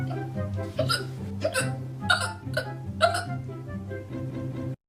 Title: Cute girl with hiccups